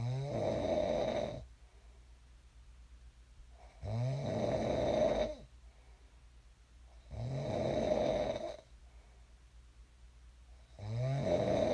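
Loud rattling snores on each breath in, about 17 a minute, with quiet breath out between; ordinary snoring.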